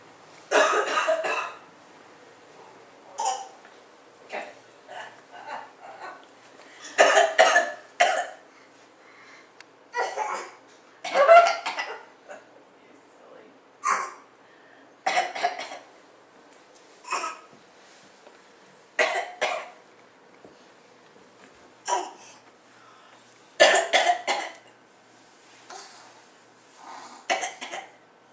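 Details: Young child gives repeated short, forced coughs on purpose, practicing a deliberately fake cough; voluntary cough.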